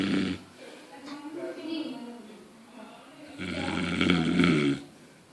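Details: Comedic snoring: loud, rough inhaled snores with a rattling, buzzing quality, separated by quieter exhales.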